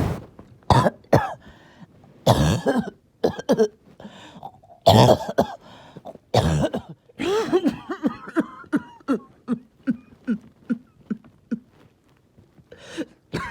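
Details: Evening coughing fit that came on suddenly with difficulty breathing after oxygen levels were good all day: about twenty harsh coughs in rapid runs with brief gasps, ending in throat-clearing coughs.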